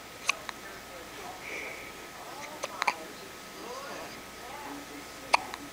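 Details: Hiccups in a 5-day-old newborn: sharp hiccup sounds, some paired, about four in six seconds, between soft whispered talk in a quiet room.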